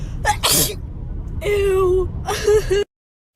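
Two sharp, wet sneeze bursts, each with a quick inward catch and a voiced 'achoo'-like release; ordinary sneezing.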